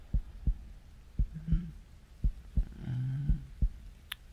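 Soft low paired heart thumps at about 60 beats a minute under a faint hum, a normal heartbeat.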